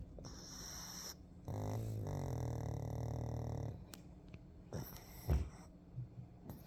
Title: Snoring and relaxing in the sun puggy! #Pug #doglover #dogowner